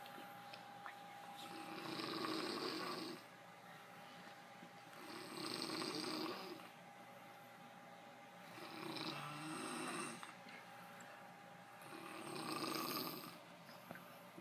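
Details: Man (the recorder's father) snoring in sleep: rough, rattling snores on each breath, about 18 a minute, with quiet pauses between them.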